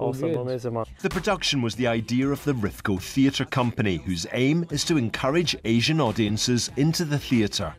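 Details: Adult male speaker; ordinary fluent speech.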